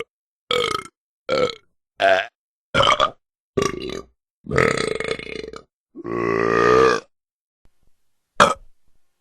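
A series of about nine separate voiced belches of varying length, one long and drawn out; ordinary burping from a sound-effect set.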